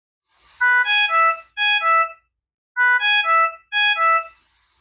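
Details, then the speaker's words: Repeating electronic ventilator alarm tone for low minute ventilation, triggered when minute ventilation falls to or below the alarm setting, or when the patient coughs, bears down or has a mucus plug. "this occurs when the minute ventilation is less or equal to the alarm the low minute ventilation alarm will also be present if the patient is coughing bearing down or has a mucus plug"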